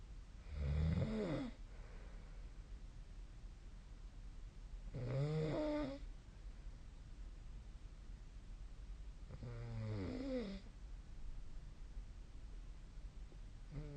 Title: 🐽 本日のイビキ / Snoring Sleep Sound 2024/12/20